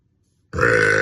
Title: Beautiful Onlyfans Model Burping #burpgirl #girlburp #sexyburp #gassygirl